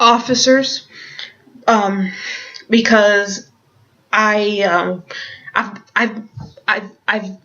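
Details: Stuttering with word repetitions in an adult woman who stutters and also has Tourette syndrome.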